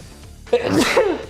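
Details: Single sneeze during a video game play session: a quick indrawn breath, then a loud explosive burst trailing into voice.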